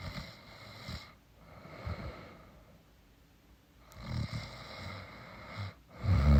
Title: Snoring girlfriend, tired after sex.